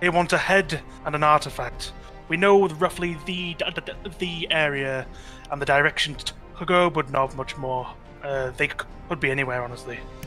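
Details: Adult man with a natural stutter that usually eases after about half an hour of speaking, heard during tabletop roleplaying; stuttering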